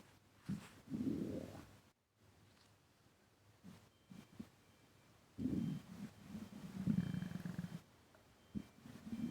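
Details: Low, gurgling rumbles in several irregular bursts with quiet gaps, occurring while breathing in and out: stomach rumbling (borborygmi).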